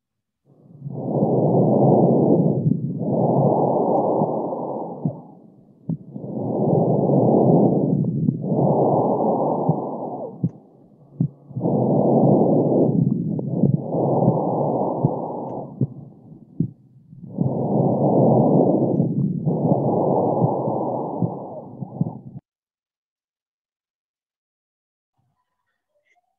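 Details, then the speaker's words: Bronchial breathing as it could sound in pneumonia with significant consolidation: loud harsh hollow breath sounds about 11/min, equally loud inspiration and expiration separated by a clear pause. "entonces en una neumonía con una consolidación significativa podría escucharse algo como esto"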